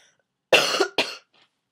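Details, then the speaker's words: Young person recovering from a recent illness, still somewhat sick: two quick, light, high-pitched coughs in a row, then quiet; mild cough. "I'm getting better I was really sick and now I'm kind of sick and I know my coughs girly but deal with it"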